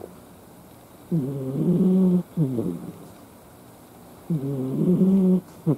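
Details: Sleeping cat: loud, buzzing, tonal snores with each breath, two in quick succession then a pause, repeating; cat snoring.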